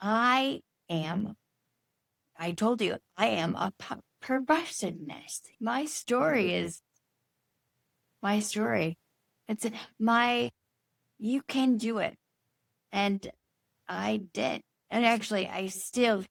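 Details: Woman with Broca's aphasia and apraxia of speech after a stroke from a brain bleed nine years earlier, treated with brain surgery; Broca's aphasia with apraxia of speech.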